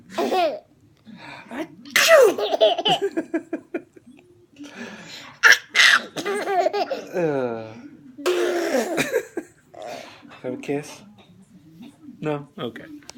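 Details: Young girl sneezing a few times in sharp bursts with her father, mixed with giggling and laughter.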